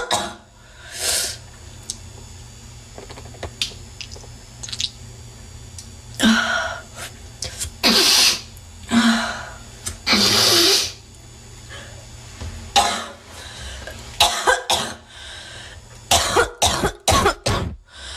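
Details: Coughing attack in a woman, possibly a smoker: repeated harsh, congested wet coughs and throat-clearing hawking of snot and phlegm, with room noise; a wet, productive cough.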